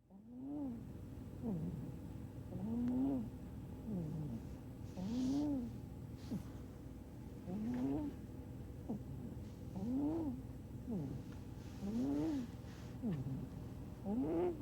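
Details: Rhythmic soft snoring from a sleeping cat, each breath a rising and falling whistle-like snore, about 14 breaths a minute.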